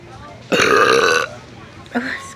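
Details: One long, loud, voiced belch under a second, then a brief vocal sound, from a girl in a store snack aisle who says her stomach is bloated; ordinary burping.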